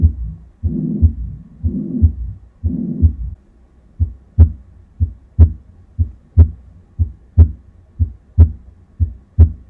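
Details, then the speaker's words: Simulated heart sounds on an auscultation simulator, about 60 beats/min with a blowing systolic murmur: mitral regurgitation. "это была недостаточность митрального клапана"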